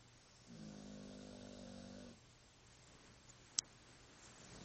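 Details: Snoring that sounds like a human: a single drawn-out, buzzing snore on the in-breath, followed by quiet breathing in a small room.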